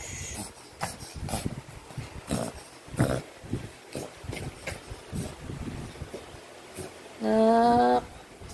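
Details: Dog with kennel cough for 4 days and on medication: a run of short, harsh, hacking coughs, then a brief high whine.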